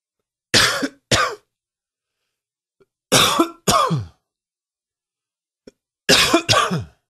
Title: Coughing 13